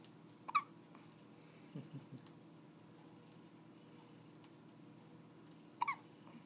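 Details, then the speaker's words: A baby girl's first hiccups: two sharp, squeaky little catches about five seconds apart, with faint soft sounds between, in a quiet room. "Oh, I thought they were gone. I thought she was falling asleep. She looks like they wake her up."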